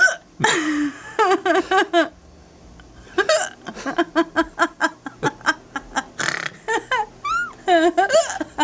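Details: Adult woman with hiccups while laughing as her partner films: several sharp, abrupt voiced hiccup catches breaking up bursts of laughter.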